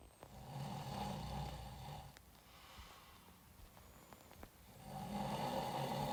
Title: The snoring sound of a famous Iranian actor recorded by his friend😂